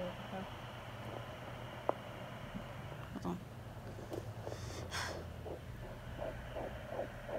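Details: Home fetal Doppler at 13 weeks of pregnancy, mother suspects twins: whooshing noise gives way to a rapid, regular galloping fetal heartbeat near 150 bpm.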